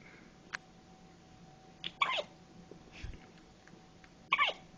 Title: twenty four hours new with the hiccups